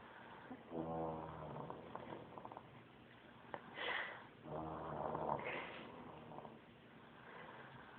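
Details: A sleeping animal snoring: two rattling, buzzy snores on the in-breath, separated by quieter breathing.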